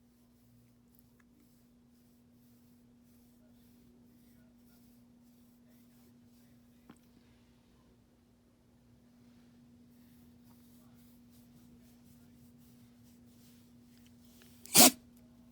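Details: A single short, sharp sneeze from a sleepy Dachshund napping in the sun, in a quiet room with a steady low hum.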